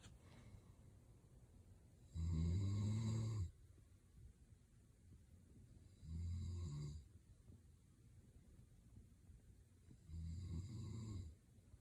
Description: Listen to my husband snoring 😴.